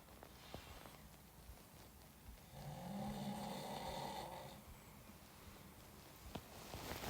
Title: The snoring sound of a famous Iranian actor recorded by his friend😂